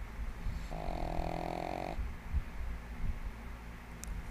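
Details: Female pug, 1.5 years old, sleeping soundly on her bed and snoring loudly like a human: a single drawn-out, rumbling, buzzy inspiratory snore over a second long, then quieter breathing against low room noise.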